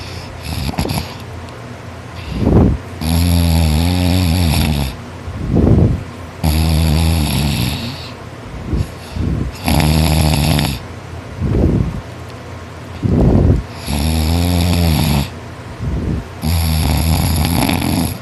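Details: Boy asleep after a tiring day of extra-hard work, snoring non-stop; he notes he snores louder when tired. Loud, harsh, rattling snores on each in-breath, about six in eighteen seconds, quieter out-breaths between; heavy snoring.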